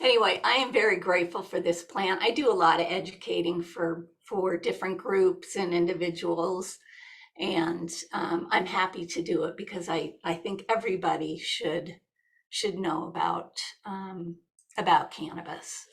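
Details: Adult woman with essential tremor, a progressive hereditary neurological movement disorder that also shakes her hands and body and affects her larynx; essential voice tremor.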